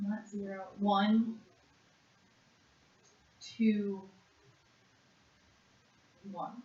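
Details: 56-and-a-half-year-old woman with severe conduction aphasia after a single stroke to the left side of the brain in June 2012, naming animals for one minute in a Western Aphasia Battery-Revised word fluency task; conduction aphasia.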